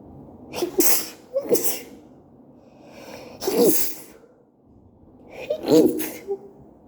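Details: Person still sick having a sneeze attack: four forceful sneezes, several with a voiced wind-up, a second or two apart. Sneezing fit.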